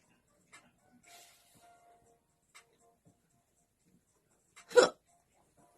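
Quiet room with faint clicks, then one sudden sharp gulping hiccup; a single hiccup.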